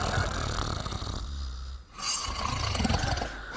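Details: Dog and its owner sleeping and snoring together: loud, rough, rumbling snoring and snorting heard close up.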